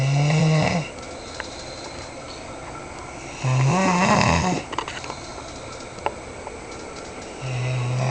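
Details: Man snoring very loudly while asleep: loud, low, rattling snores on each in-breath, roughly 16 a minute, quiet pauses between.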